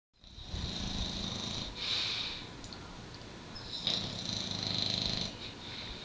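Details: Pet Derby asleep, usually snoring much louder; soft, hissy snoring in two drawn-out breaths with a faint whistle; ordinary snoring.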